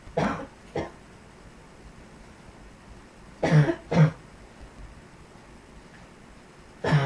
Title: Yet Another Cough